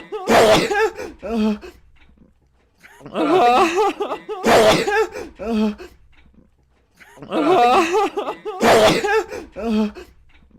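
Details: Loud, voiced sneezes with a rising intake and explosive release, repeated bursts about every four seconds in a quiet room, during a ten-minute sneezing fit.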